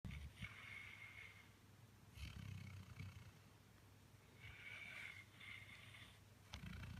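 Two rough, low snoring breaths about three seconds apart, each with a whistling edge: snoring during sleep.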